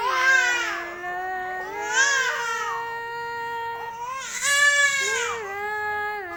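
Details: A baby who has just woken up crying in sustained, rising and falling wails, three cries over a few seconds; infant cry.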